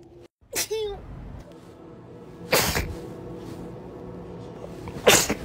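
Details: Three sharp sneezes a couple of seconds apart with faint background sound, from a short sneezing compilation.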